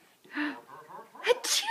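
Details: Mother sneezing strangely: quick inhaled build-up, then a single explosive sneeze with an unusual high-pitched squeak.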